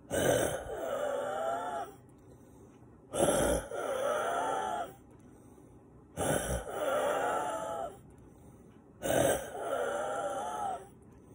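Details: Adult waking at night or in the morning gasping for air, sinuses and lungs congested with mucus, without breathing-machine medication: harsh gasping breaths with wet, whistling rattles, about 20 a minute, labored congested breathing with gasping.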